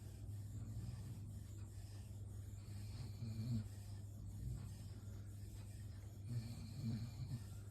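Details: Sleeping dog, Nitro, snoring: faint low rumbling snores recur every few seconds over a steady background hum.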